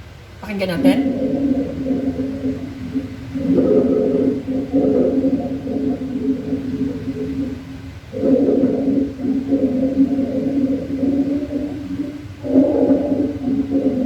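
Low-pitched, snoring, musical sounds run through each breath phase, typical of rhonchi from secretions in the larger airways.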